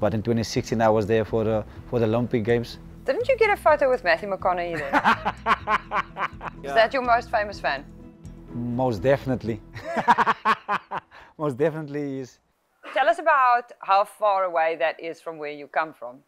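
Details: Adult speakers in conversation; normal speech.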